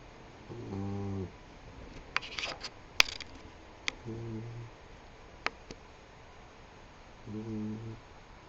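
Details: Three low, rattling snores at a slow, even pace over faint room noise, with a few soft clicks between; snoring.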